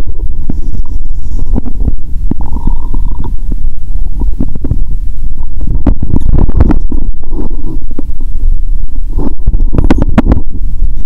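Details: Adult woman eating Mentos with cola, stethoscope on abdomen, full and in pain: continuous loud gurgling and rumbling with frequent bubbling pops over a heavy low rumble; active bowel sounds.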